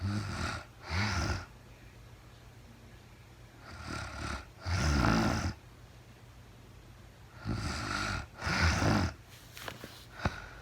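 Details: Real-time recording of a woman asleep at night, no talking, very tired: rumbling snores in pairs, about 16 a minute, with quiet pauses between and a faint click near the end; sleep snoring.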